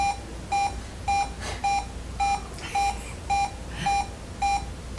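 A cardiac monitor beeps steadily and regularly at about 107 per minute in a quiet room, matching sinus tachycardia.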